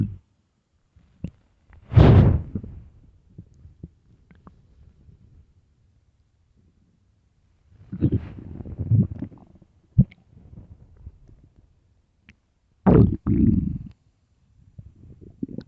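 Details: Loud, low gurgling stomach rumbles in three bouts separated by quiet gaps: borborygmi of an empty, hungry stomach, a normal bowel sound.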